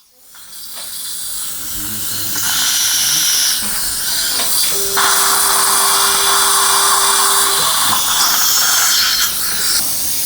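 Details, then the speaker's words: Dental implant site drilling at upper tooth 16 in a 63-year-old male, guided surgery (OneGuide) with flap and GBR on palatal side; 4.5×10 mm drilling, poor bone quality; steady high-pitched surgical drill whine with irrigation hiss. "4.5 by 10 millimeter drilling is done bone quality is not very good ps3 5.0 by 10 millimeter is going to be done and final drill is going to be done up to 4.5"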